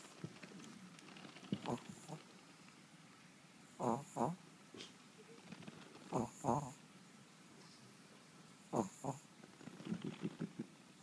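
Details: Yorkie dog asleep: soft snorting snores in pairs about every two and a half seconds, roughly 24 breaths a minute; dog snoring.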